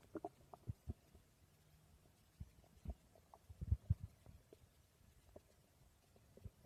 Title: My stomach growling ❤️